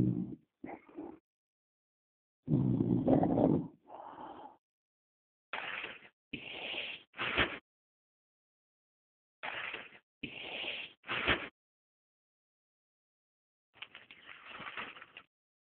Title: Snoring